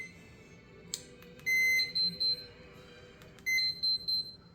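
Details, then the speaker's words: Infinity enteral feeding pump low-battery alarm during G-tube feeding setup for a child: two bursts of high-pitched beeps, one long and two short each, over quiet room noise. "So, it looked like our pump was actually low on battery, so I actually plugged it in so we could continue."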